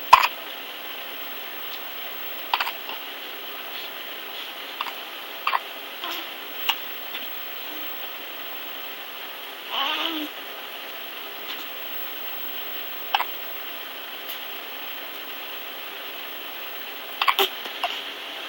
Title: Twin sisters hiccup war